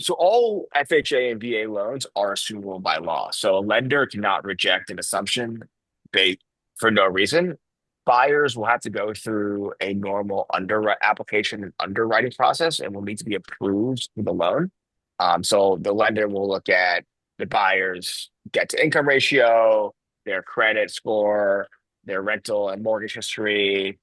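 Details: Adult male speaker; normal voice.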